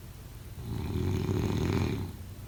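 A single loud, low, rattling snore on the in-breath, rising and fading over about a second and a half: snoring during sleep.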